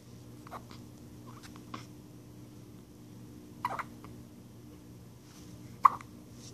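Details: Newborn 9 days old with hiccups: soft, brief hiccup sounds at irregular intervals over quiet room noise; common, harmless newborn hiccups.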